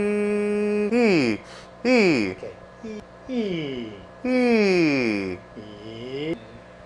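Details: Bearded adult singer with two weeks of pain and lost notes after 10-20 minutes of singing, voicing varied pitches during nasal fiber-optic laryngoscopy; no vocal nodules, extra mucus suggesting dehydration, vocal fatigue, one week of vocal rest prescribed.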